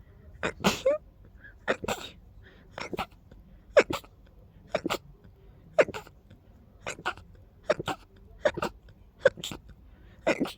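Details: Sneezing fit from an intense, deep nasal tickle: about a dozen sharp, explosive sneezes in quick succession, roughly one per second with little pause, each arriving before the last finished.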